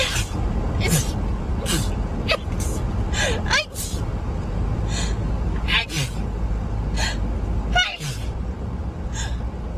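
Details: Girls sneezing rapidly: a run of quick, repeated sneezes with sharp gasping intakes between them, over steady low background rumble.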